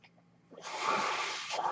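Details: Real recording of a podcast host's own mechanical ventilator: a low room hum gives way to a steady rushing hiss of air lasting about a second as a breath is delivered. Mechanical ventilator breath sounds.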